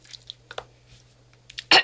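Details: Adult woman with Tourette syndrome, hiccuping-like noises among her vocal tics; vocal tic (hiccup-like).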